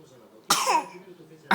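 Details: A sick child gives one sharp, explosive cough with a short voiced tail, and a second cough begins at the end.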